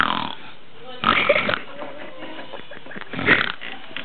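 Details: Snoring at the beach: two rough, rattling snoring breaths with quiet pauses between them.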